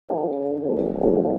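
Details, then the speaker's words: Stomach growling: a brief, gurgling, growling rumble of normal borborygmi as the stomach and intestines push food, gas and liquid along. "Science में इन छोटी सी gruelling sounds को कहते हैं बोरबोरिगमी। हमारा पेट और intestine कभी रुकते ही नहीं। वो हमेशा फूड, गैस और लिक्विड को आगे पुश करते रहते हैं।"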